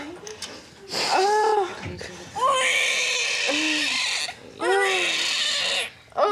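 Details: Newborn girl just after delivery: loud, strong bursts of crying, a vigorous, healthy first cry.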